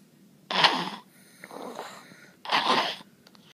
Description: He snores like he is grown